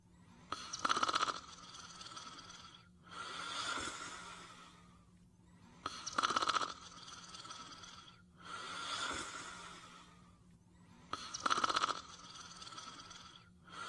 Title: Caesar's Cutest Snoring Part 2